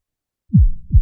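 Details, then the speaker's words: Recorded heartbeat played back and described as the sound heard in the mother's womb: two deep, soft thumps a short interval apart, a regular heartbeat. "And Audra, please let me know that you still hear the heartbeat when I play it, okay?"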